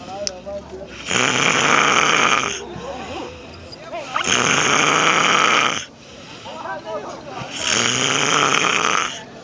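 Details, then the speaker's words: Person sleeping: three loud, harsh, rattling snores on the in-breaths, about 17 a minute, with quieter breathing between them: loud snoring. "Estamos viendo y escuchando los poderosos sonidos que se emiten de sus propias narices."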